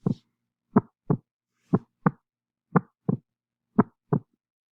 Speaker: So those two heart sounds, ba-boom, is the atrium and the ventricle contracting at different times because of these, the SA, the AV node, and the bundle of His.